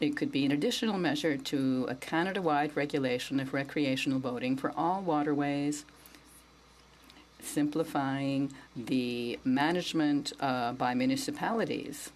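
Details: Adult speaker; ordinary speech.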